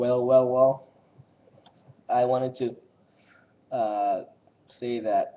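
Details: Male speaker who says he has a stutter, talking about it; finding: stuttering.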